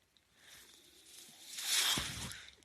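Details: Soft rising and falling airy hiss of one breath from a podcast speaker's own mechanical ventilator, heard while he talks: mechanical ventilator sound.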